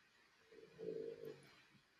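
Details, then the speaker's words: A single quiet, low, rattling snore from a sleeping French bulldog, faint against room noise and conversation. "do you hear the Frenchie snores is that I wonder if that's going to be picked up on the probably probably"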